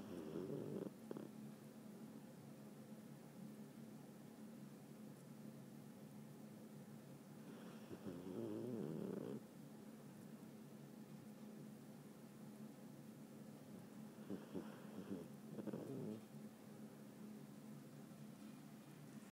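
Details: Soft snoring from a sleeping Pomeranian dog, starting several seconds in: quiet, low rumbling breaths with a few louder snorting breaths.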